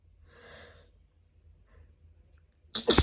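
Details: Uncovered sneezing fit from grass/flower pollen after a walk outdoors: a breathy intake followed by one loud, sudden sneeze burst.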